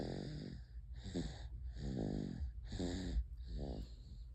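Repeated low, rattling, buzzy breaths with tonal hum, about five in four seconds; snoring.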